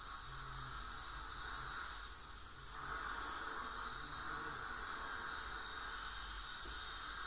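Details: Ultrasonic scaling by a dental hygienist on a patient with heavy plaque and tartar, possibly gingival inflammation or full-mouth debridement: steady hiss of water spray and suction with a faint high whine from the scaler.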